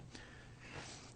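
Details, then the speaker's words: Dog asleep in a quiet room gives a faint, low, rumbling snort; ordinary background snoring. "Okay, well, I apologize if you can hear distracting snoring in the background. That's my dog. Tends to follow me everywhere and fall asleep and snore."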